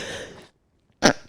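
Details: Sneeze by a fitness instructor during a live workout class.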